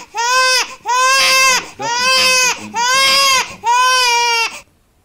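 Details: Young infant: five steady, clear, evenly pitched wails with quick breaths between, a low-distress discomfort cry.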